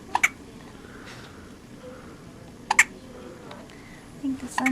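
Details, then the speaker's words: Newborn girl on her second day of life, sleepy, with hiccups she also had in the womb: two brief, sharp, soft hiccups a few seconds apart, with quiet adult murmuring nearby. "so here we are day two just got her dressed her little littlefit and she's got the hiccups on her oh that's what I felt inside my belly all the time"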